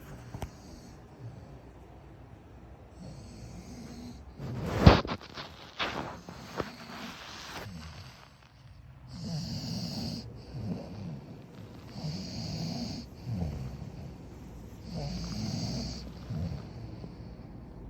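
Rough, rumbling breaths with snorting, repeating several times over about 18 seconds: snoring during sleep.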